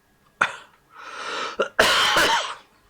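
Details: Adult with a lingering cough from an illness the week before gives a short run of harsh, explosive coughs in a quiet room while live-streaming; cough.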